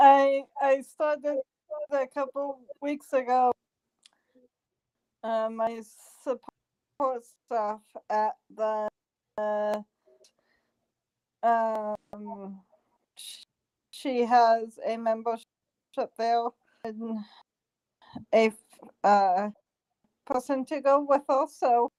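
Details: Adult woman stroke survivor working on speech and memory, improving with practice sessions, still struggling to get words out; post-stroke aphasia.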